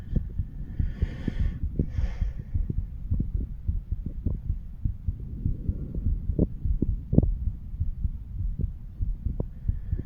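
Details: Normal heart sounds of a 35-year-old male recorded by stethoscope over the mitral, tricuspid, pulmonary and aortic valve areas: soft, regular low thumps, brief chest-piece rustling early on.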